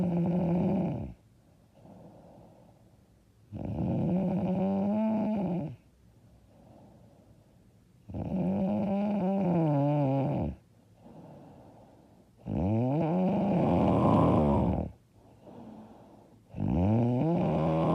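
Loud, rough, rattling snores on each breath in, about 14 a minute, with softer breaths out between them. Heavy snoring.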